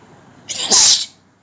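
A single sharp, hissing sneeze lasting about half a second, in a quiet room.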